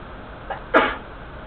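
A short intake followed by one sharp, explosive sneeze.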